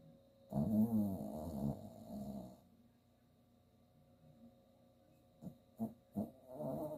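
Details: An 8-year-old chihuahua–Jack Russell terrier mix rescue dog, dreaming while asleep, gives rough, rattling snores with short snorts and puffs of breath between them; snoring.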